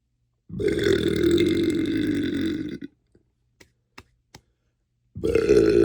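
A long, loud, rumbling belch lasting about two seconds, a few small clicks, then another loud belch begins.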